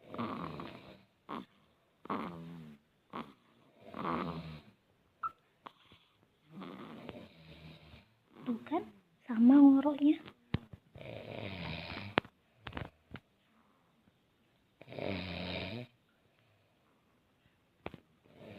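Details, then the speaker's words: Sleeping infant snoring like the father: soft, rattly snores on each breath with pauses between, plus a brief cry-like squeak; infant snoring. "Ini makin kencang ngoroknya. Ikut-ikutan."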